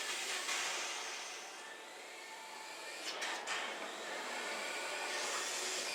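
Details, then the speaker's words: Continuous airy hiss with brief gurgling bursts as suction runs during a surveillance colonoscopy in a sedated 39-year-old woman with a family history of polyps. "That is from suction. Flat polyps can't look like that."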